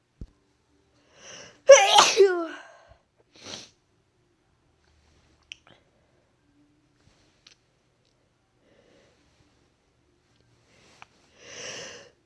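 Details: A quick breath in, then one loud explosive sneeze, deliberately induced, followed by a few soft sniffs and breaths in a quiet room.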